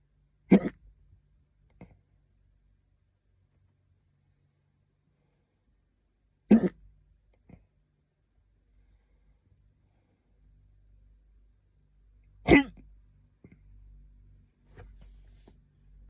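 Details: Person in a quiet car: three sharp, abrupt throat catches about six seconds apart, roughly ten a minute, each with a small aftersound; hiccups.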